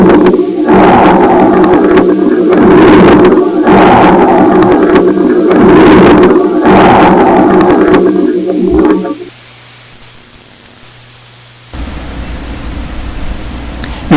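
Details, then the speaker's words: Moist, irregular, changing coarse bubbling crackles through both phases of breathing, mainly expiration, which can clear with coughing: subcrepitant (coarse) rales. "sus sensaciones palpator son excepcionales estos estertores son más húmedos irregulares y cambiantes que los crepitantes escucha atentamente"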